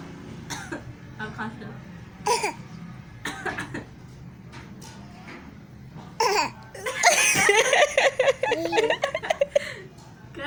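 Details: A child gives a few short, deliberate, playful coughs, then breaks into giggling laughter; voluntary cough.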